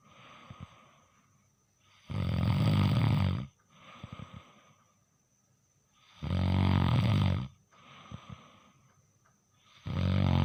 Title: নাক ডাকার original শব্দ/ Original sound of nasal snoring